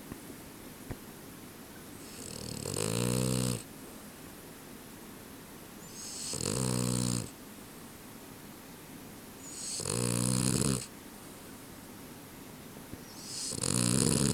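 Four loud rattling snores, about one every 3.5 seconds, during sleep; ordinary snoring in a sleeping dog.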